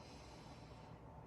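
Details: Healthy adult during a student nurse's chest assessment, stethoscope on the back, taking a deep breath on request: a brief, soft, airy breath sound with no wheeze or crackles; normal deep breathing.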